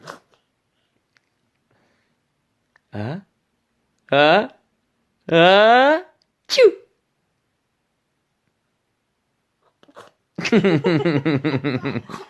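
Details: Baby boy playing at sneezing: several short voiced bursts in quiet, deliberate fake sneezes rather than real ones, ending in a giggly babble amid laughter.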